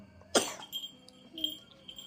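A single sharp cough from a young child, followed by quiet room sounds and faint background noise.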